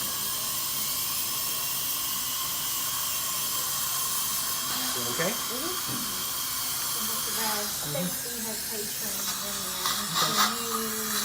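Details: Dental handpiece drill during a dental filling on a patient: a continuous high-pitched whine and hiss, with faint voices in the room.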